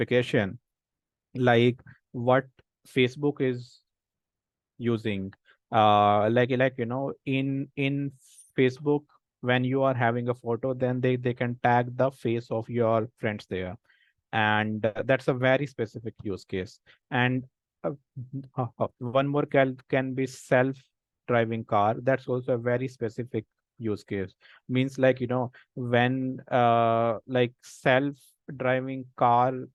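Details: Speech of an adult man who stammers, a senior volunteer of an association of people who stammer who have taken a self-help path; stammering.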